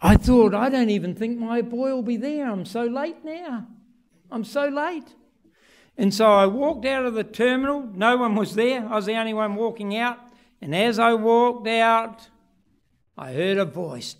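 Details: Adult male speaker; typical speech.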